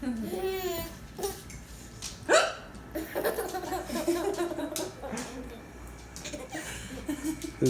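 Laughter and talk broken by a sudden, sharp hiccup sound, with room noise in the background.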